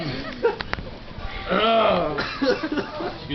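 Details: A harsh, voiced rasp of an adult clearing the throat, with brief talk and laughter around it; throat clearing.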